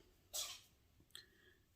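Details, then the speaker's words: Milkshake, a small dog puttering in a sink, gives a single sharp, hissy sneeze followed by a faint snort about a second later. "do you hear that? That was her sneezing. Milkshake sneezing now."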